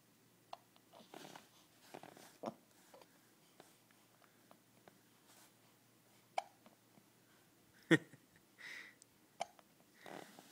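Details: Infant hiccups: brief, sharp hiccup sounds recurring irregularly amid soft babbling and quiet room noise.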